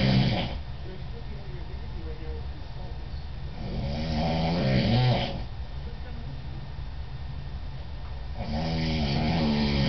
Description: This is my dad snoring, it was shot in Washington D.C.